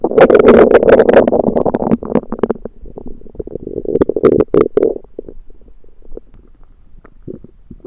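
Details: Belly sounds that began suddenly after eating something self-cooked, suspected undercooked, late February 2023: loud gurgling, bubbling runs fading toward the end; active bowel sounds (borborygmi) after a meal.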